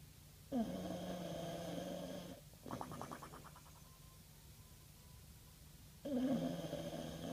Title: Bulldog Bubble Snoring